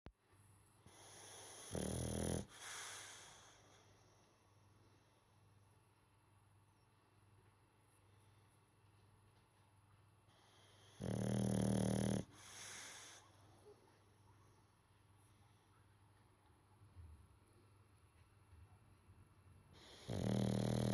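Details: Boxer puppy snoring while asleep: loud, harsh snores on each breath in, about 9 seconds apart, with quiet breathing between.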